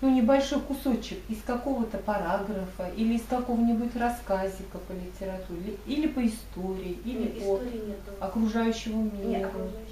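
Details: Adult woman speaking; typical speech.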